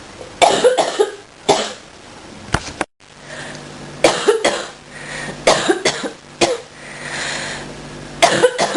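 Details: Adult coughs while getting over a cold and bronchitis, feeling much better; first tried to hold the coughs back, unsuccessfully; sneezes followed.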